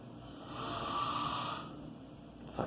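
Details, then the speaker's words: Adult man (father) sleeping at 1:40 a.m., snoring very loudly: a single long, loud, rasping snore on one breath; ordinary heavy snoring. "Meu pai deve tá dormindo, tá roncando muito."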